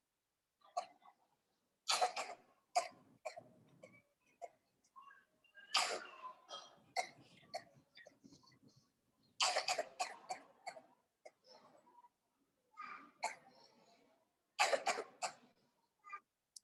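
A child gives repeated short, sharp coughs in several clusters, without rattling or gurgling, in a quiet room: a dry cough.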